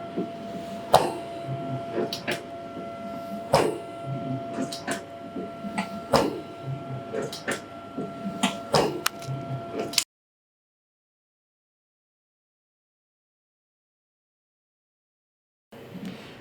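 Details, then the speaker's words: Repeating clicks and hissing air pulses at about 23 cycles a minute from the OxyGEN automated resuscitator-bag emergency ventilator cycling while PEEP is checked on the manometer, then silence. "t the patient, we already notice that the device begins to work, check that the peep valve is what we want"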